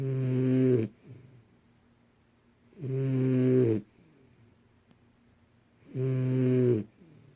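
Three loud, buzzing snores at a steady rhythm, about 20 a minute, with quiet gaps between; regular snoring.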